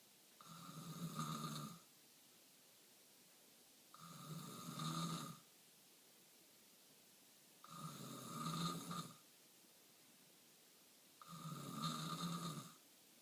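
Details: Snoring before surgery: loud, rough snoring recurring on each breath at about 17 breaths a minute, with quiet gaps between.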